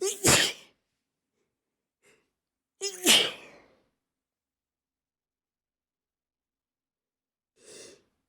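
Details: Sneeze compilation of stifled and normal sneezes: two sharp, explosive sneezes, each with a brief in-breath before it, followed later by a faint sniff; ordinary sneezing.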